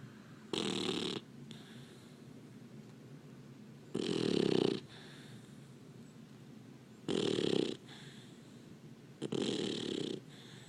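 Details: Labrador puppy snoring while asleep. Four loud rasping snores over about ten seconds, with quiet breathing between them.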